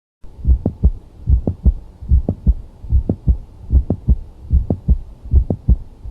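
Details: Mid-systolic click: regular heartbeat at about 74 a minute with a sharp extra click between the first and second heart sounds.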